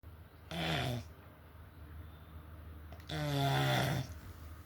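Two loud, rattling snores about three seconds apart with quiet breathing between, typical of sleep snoring.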